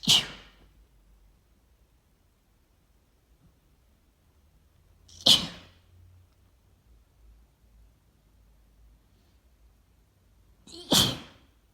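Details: Morning sneezing fit from tree pollen allergy, unedited apart from one cut gap: three sharp, wet, itchy multiple "choo" sneezes about five seconds apart in a quiet room, with hardly any warning; allergic sneezing.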